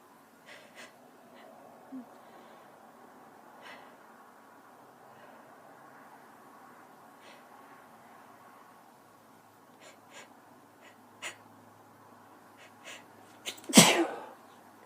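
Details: Female, random sneeze: quiet breathing and faint sniffs, then a single sudden loud explosive burst near the end.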